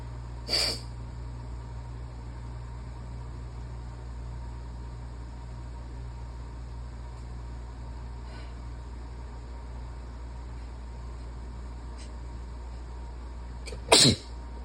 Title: 1/4/23, still sick 🙄 wet, barky sneezing fit (pt 1 - starting out slow)